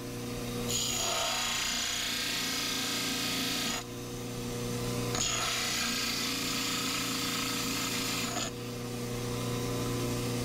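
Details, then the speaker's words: Dental cast trimmer trimming the base of a complete-denture master cast smooth: steady motor hum with two bursts of harsh grinding. "We start that trimming by trimming the base of it to make a nice smooth surface on the base of the cast."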